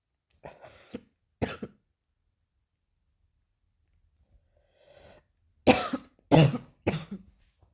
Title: coughing a little